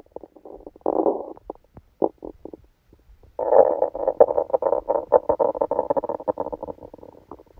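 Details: Bowel sounds recorded while sleeping with a stomachache after Christmas dinner: loud gurgling and croaking rumbles, some brief, then a long bubbling run; active bowel sounds.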